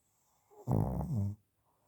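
A single deep, rumbling, vibrating snore lasting under a second in a quiet room; adult snoring.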